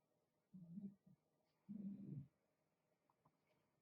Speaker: a little interest or texture without, you know, the dog's snoring. Can you hear him snore?